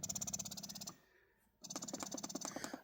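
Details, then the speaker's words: Spectra S2 Plus electric breast pump turned all the way up in suction and cycle: rapid rhythmic mechanical pulsing with a brief pause midway; electric breast pump running. "so if I turn it all the way up you might be able to hear"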